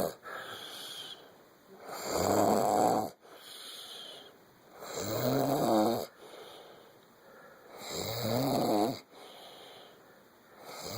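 Regular snoring, about 20 breaths a minute: a loud rattling snore on each breath in, followed by a quieter airy breath out.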